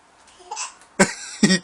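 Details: A baby makes a soft sound, then two short, abrupt voiced catches about half a second apart; hiccups.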